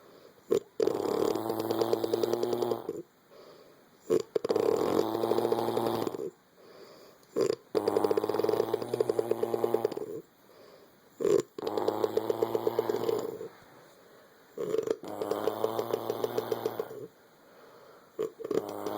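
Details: Woman (Ferris) snoring like a dirt bike, two sounds at once: loud, rattling, buzzing snores on each in-breath, about 18 breaths a minute, with quiet gaps between; heavy snoring.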